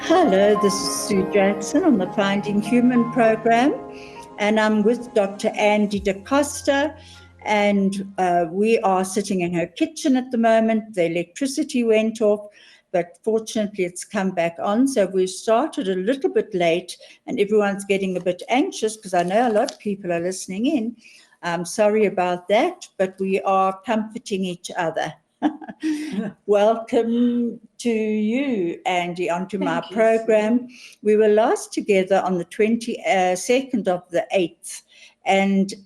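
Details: Adult woman speaking; typical speech.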